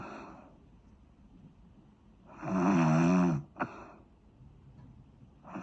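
One loud, fluttering, buzzing snore on the in-breath ending in a short snort, with quiet breathing either side: snoring.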